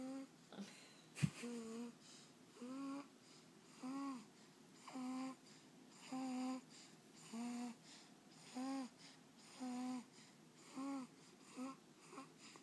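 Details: Snoring in a sleeping 2-month-old baby girl: regular soft, voiced, hum-like noises with each breath, about 50 a minute.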